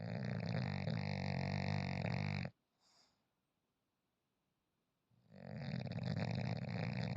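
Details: Loud, low, rattling snore in long breaths with brief pauses, from a sleeping French bulldog; snoring.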